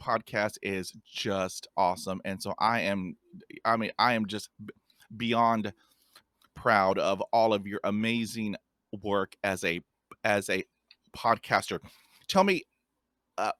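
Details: Stuttering in a 50-year-old adult man who describes himself as having blocks and a speech impediment, with word repetitions heard; stuttering.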